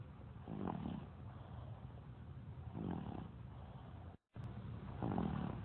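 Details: Baby snoring.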